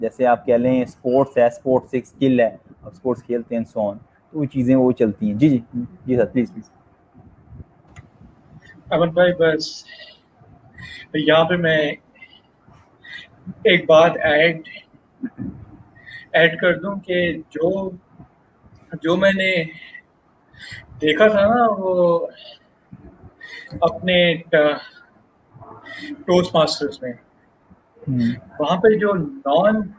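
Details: Stuttering in an adult man who has stammered since age 6; many speech therapies did not help him, and he is speaking in a session by stammerers for stammerers.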